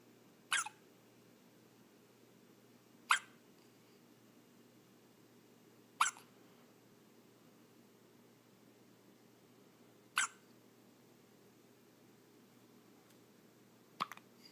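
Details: Hiccups in a 4-day-old newborn: five short, sharp hiccup sounds spaced a few seconds apart in a quiet room.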